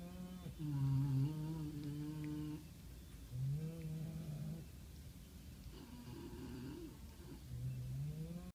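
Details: Dogs Mona and Pudge snoring while sleeping in a snuggle pile: soft, whistly, humming snores over several long breaths with a faint nasal tone.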